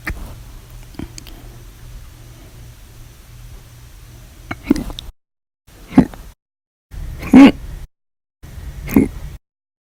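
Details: Compilation of hiccups recorded 8/1/19 to 8/31/19, described as violent, loud or silent, audio only: four short, abrupt throat clicks with a gulping catch, about a second apart, after quiet room noise; hiccups.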